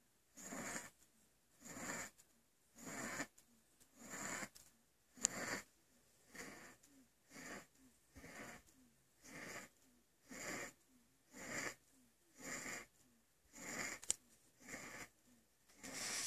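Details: Wheezing during asthma attacks in a sleeping baby: fast, noisy, harsh rhythmic breathing with faint whistling between breaths.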